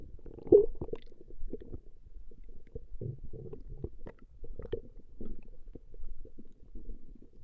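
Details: Recording of a woman's stomach growling: low, irregular gurgling and rumbling as gas and fluid move through the bowel; ordinary stomach growling (borborygmi).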